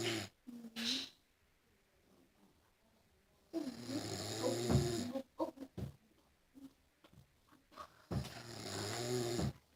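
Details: Loud, rattling snores on breathing in, with quiet pauses between breaths in a small room; snoring.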